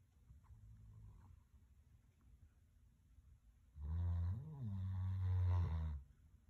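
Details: A dog snoring at Christmas: a soft low rumble, then one loud, deep, drawn-out snore lasting about two seconds, in a sleeping dog.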